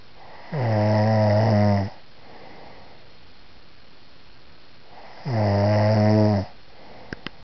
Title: Snoring!